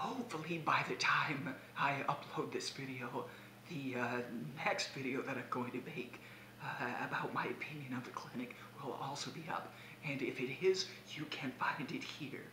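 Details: Adult man with abductor spasmodic dysphonia, speaking about days three to five of a spasmodic dysphonia vocal clinic, recorded on a day his voice wasn't sounding well; abductor spasmodic dysphonia.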